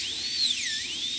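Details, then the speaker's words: High-pitched whine of a high-speed dental handpiece with shifting pitch, cutting the functional cusp bevel on tooth #14 for a full zirconia crown preparation with chamfer margin; dental handpiece drilling. "so you need to hold your hand piece at an angle to in order to maintain that so we'll continue that with our functional cusp bevel"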